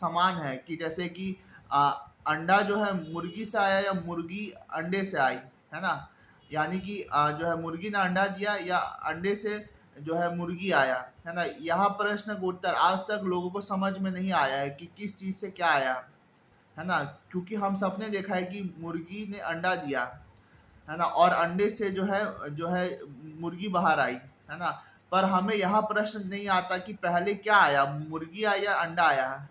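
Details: Stuttering in Hindi speech by an adult man who stammers; he had believed anxiety was causing his stammering but questions its true origin.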